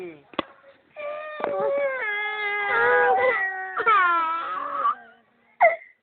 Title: Child crying